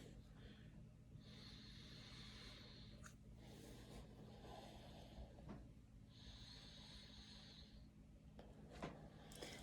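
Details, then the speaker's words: Lung auscultation of the front of the chest, from the apices under the axilla to the lower lobes on both sides, during slow deep breaths; vesicular breath sounds in the lung fields, judged normal. "So I hear vesicular breath sounds in the lung fields, which is normal."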